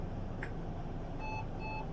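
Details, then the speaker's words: Short electronic beeps from a Weinmann portable ventilator in an ambulance as it switches from demand flow to ventilation mode (pressure limit 20 mbar) for respiratory arrest with a pulse; low vehicle rumble. "You switch from demand flow to ventilation mode."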